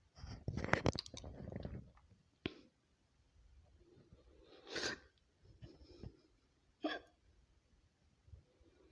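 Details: A woman's own hiccups, edited into a compilation: several sharp, abrupt hiccup sounds, some voiced, separated by quiet gaps; ordinary hiccups.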